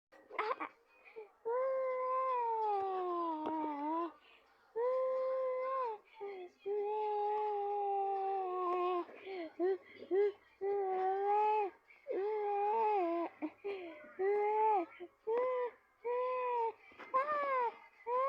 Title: baby crying out of breath hiccup sounds